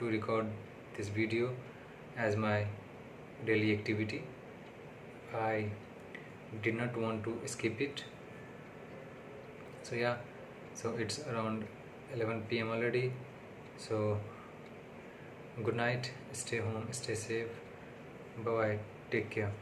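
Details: Adult man with self-reported stammering/stuttering, on day six of speech therapy, speaking unscripted English, not his primary language; he found recording difficult that day; stuttering.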